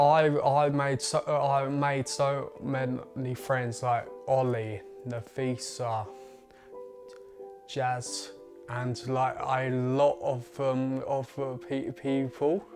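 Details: 20-year-old man with a stammer that began around age eight, who gritted his teeth when speaking as a child; stuttering (stammer).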